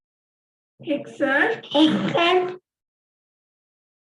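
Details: Child with cleft palate saying a word transcribed 'exert'; noisy turbulent nasal rustle on s replacing the sibilant, tongue back against velum; posterior nasal fricative (nasal rustle).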